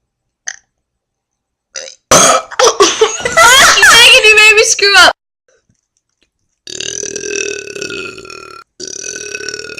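A long, loud, rumbling voiced burp lasting a few seconds, with quieter sounds around it; belching, the release of swallowed air from the stomach.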